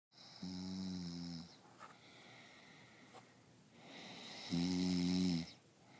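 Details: Self-recorded snoring: two loud, low, rattling snores during inhaled breaths, separated by a quieter exhale.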